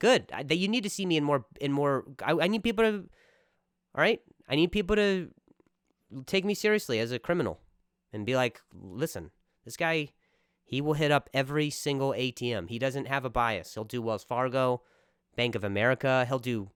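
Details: Real stuttering in an adult male comedian speaking casually on his own podcast.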